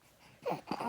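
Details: A brief quiet pause, then two short throaty voiced gurgles from an infant just after a formula feed of about 2.5 ounces, with a possible burp: infant gurgling.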